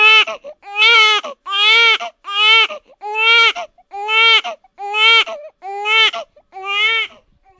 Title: Baby Crying (real sound) #001 / (No Copyright Fx)